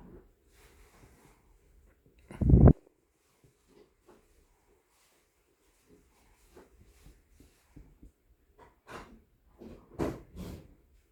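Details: Quiet, irregular snuffly snoring from a sleeping infant, with one loud snort early and a few noisier breaths near the end.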